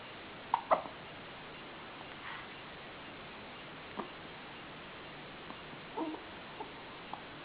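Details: Several brief, sharp little catches at irregular intervals over quiet room hiss: an infant hiccuping in a bassinet.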